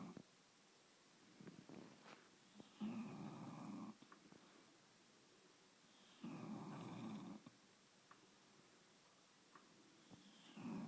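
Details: English bulldog asleep and snuggled on a bed, snoring: rough, rattling snores at regular intervals, about 16 a minute, with quiet pauses between.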